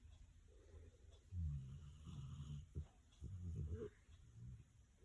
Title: Dog snoring 😴 😂